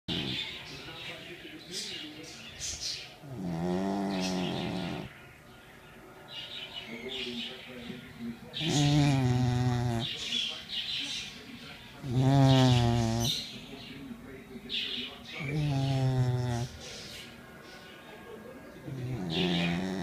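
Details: Pomeranian dog snoring: rhythmic low rumbling snores with whistling, voiced breaths, about 17 a minute, over slight background noise.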